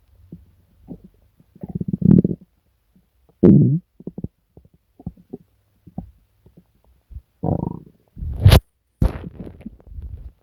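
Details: Person sick for several days with stomach pain, diarrhoea and nausea: borborygmi, low gurgling rumbles and deep growls in irregular bursts with quiet gaps.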